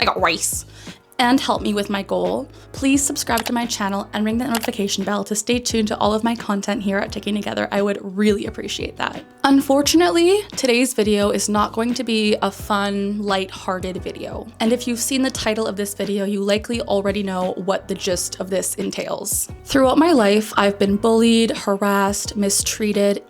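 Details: 27-year-old woman diagnosed with Tourette syndrome at age 12; a phrase interrupting her speech appears to be a vocal tic; finding: vocal tic (Tourette syndrome).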